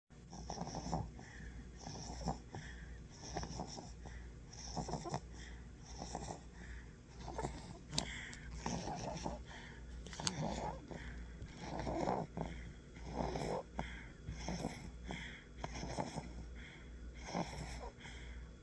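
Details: Quick, fluttery snoring sounds repeating with each breath from a sleeping animal in a quiet room: snoring.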